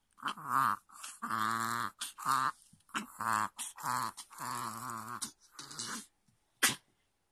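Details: Chihuahua with reverse sneezing episodes, nearly daily, several times, triggered by excitement before treats, meals or play: labored honking "boo-boo" snorting pulls of breath, then a "keh" sound; cause unknown, owner suspects fluid pooled deep in the nose.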